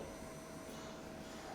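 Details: Bellavista 1000 ICU and transport ventilator running in target configuration, shown with the turbine and trackball tracking mode: steady mechanical whir with a faint tonal hum, no breaks or alarms.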